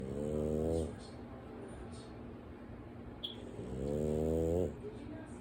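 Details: Person sleeping on his back with eyes open, snoring: two snores a few seconds apart, each a low buzzing rattle on the in-breath, with quiet breathing between.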